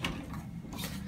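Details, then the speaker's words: Paramedic training demonstration of LUCAS 2 mechanical chest compression device on simulated cardiac arrest patient: clicking and ratcheting as arms connect to back plate and lock in place during manual CPR, piston lowered. "now what they'll do is they'll connect one arm to the back plate and feed the other arm between his partner's arms as a continue CPR they'll connect it make sure that it's locked in place"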